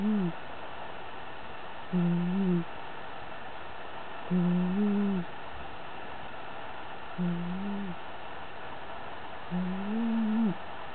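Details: Low, humming snores every two to three seconds, about 25 a minute, over steady background hiss, from a black cat sleeping on the owner's bed; loud snoring.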